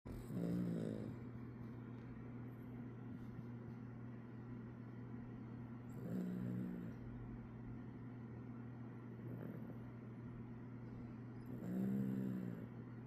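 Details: Sleeping Chiweenie (small dog) snoring: soft, irregular snorting breaths about every five to six seconds over a steady low hum.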